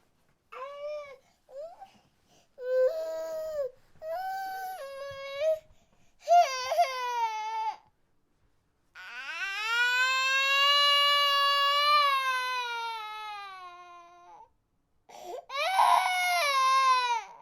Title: Baby Cry Long - Free Sound Effects